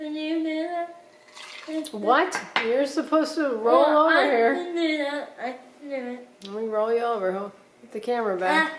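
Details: Single speaker, higher-pitched voice, indoors; ordinary speech.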